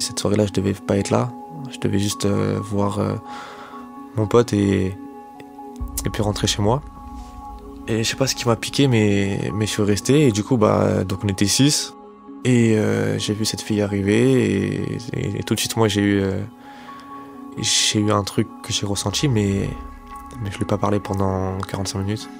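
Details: 25-year-old man who has stuttered since age 4, self-described as fairly severe and worse with stress, fatigue and in front of others; stuttering.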